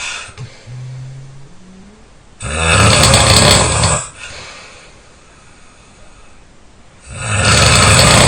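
Very loud, harsh, rattling snores on the in-breath, two in about eight seconds, with quiet breathing between; heavy snoring.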